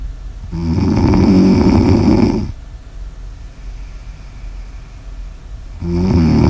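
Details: Heavy snoring in an ASMR sleep recording: a loud, long vibrating snore on the in-breath, a quieter pause, then the next snore beginning.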